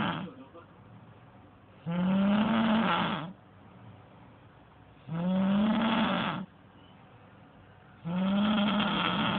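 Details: Very loud snoring: rough snores with rising pitch on each in-breath, about every three seconds, quiet breathing out between; faint television talk behind.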